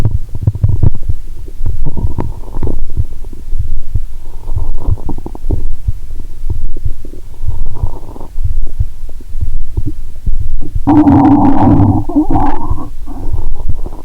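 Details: Stethoscope on the belly while lying down, after drinking cola and swallowing Mentos (not the full 1.5 L finished): muffled low rumbling and throbbing, heartbeat audible, louder gurgle near the end; active bowel sounds.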